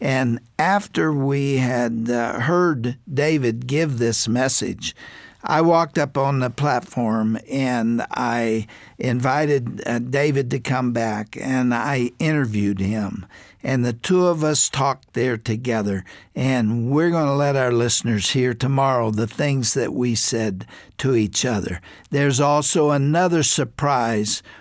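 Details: Adult male speaker; normal speech.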